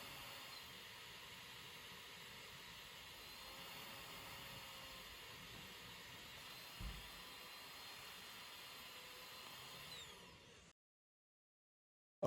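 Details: Travel CPAP machine running: a steady airy hiss and roar ending abruptly in silence, just ordinary device airflow noise.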